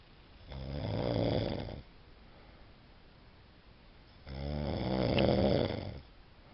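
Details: Two loud, rattling inbreath snores about four seconds apart with quiet outbreaths between; ordinary snoring.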